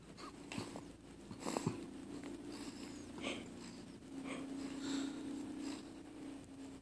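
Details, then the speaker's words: Light snoring, likened to a bear: faint, soft snoring breaths with a thin whistling tone on some breaths, plus small snuffles and room noise. "Should I just delete it? Sounds like a bear. On a unicycle."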